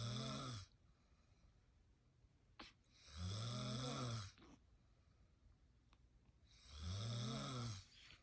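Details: Adult woman, a new mother, sleeping in the morning, snoring: loud, rough snores on each in-breath, about three over eight seconds, with quiet out-breaths between.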